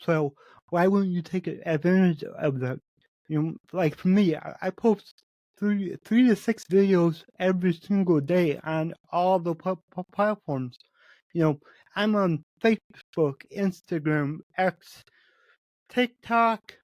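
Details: Adult man with cerebral palsy, which he says affects every muscle in his body; he reports his speech has improved over the past 8 months as his health improved; real spontaneous speech; dysarthria associated with cerebral palsy.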